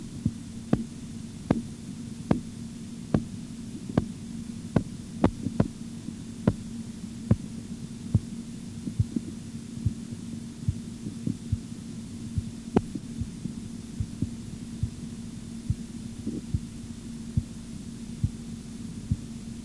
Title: BP Measurement Auscultatory Tutorial 18